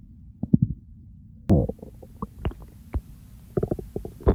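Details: Hunger segment of a recording that follows the stomach from hunger to overfull and bloating: bubbling, gurgling and popping rumbles in quick irregular bursts, ordinary bowel sounds (borborygmi).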